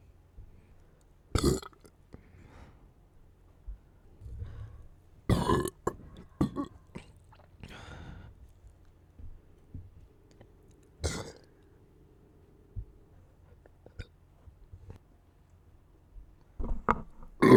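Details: Several deep, loud belches separated by quiet pauses, with smaller throat and swallowing sounds between them; burping.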